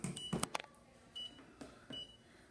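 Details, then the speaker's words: Short, high electronic beeps about every 0.4 seconds over quiet room noise, handling clatter at the start; audible cycle indicator of a MicroLight ML 830 therapeutic laser, 33-second cycles delivering 3 joules, used on dogs by a vet. "you'll see how the indicator light tells you that the laser is working it also has audible beep which you can turn on and off"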